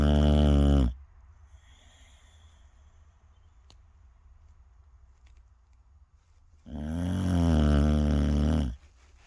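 Two loud, deep rattling snores on the in-breath, separated by about six seconds of quiet breathing: snoring.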